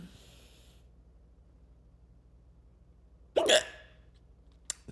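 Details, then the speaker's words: A single sharp, abrupt hiccup in a quiet room, followed by a faint click a second later. "A couple hiccups. Bring in the new year."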